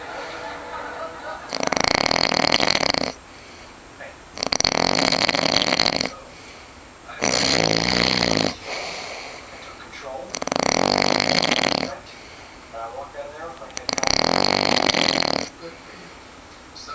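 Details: Adult man sleeping in a hotel room snoring very loudly: long harsh rattling breaths about every three seconds with quieter gaps, sounding almost like suffocating.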